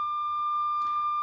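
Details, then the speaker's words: CareFusion Alaris GW infusion pump, in a veterinary anaesthesia equipment review: steady high-pitched attention alarm after the pump is left on hold and not infusing; it can be silenced for 1 minute. "so as you can hear the alarm we can silence it for 1 minute pressing here so it's still giving the alarm but without beeping"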